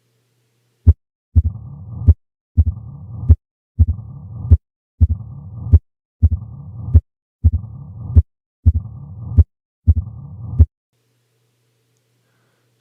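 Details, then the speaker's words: 45-year-old West African man with years of dyspnea and leg swelling: uniform, low-pitched diastolic murmur loudest with the stethoscope bell at the apex, mitral stenosis. "would cause a uniform low-pitched diastolic murmur at the apex really only one thing can do this mitral stenosis"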